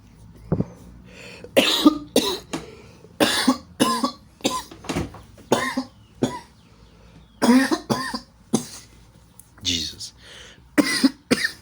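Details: Coughing after inhaling kief smoke while gaming: repeated harsh coughing fits, roughly a dozen forceful bursts with gasping breaths between them.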